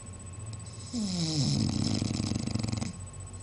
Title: Cute English Bulldog Snoring (Buster)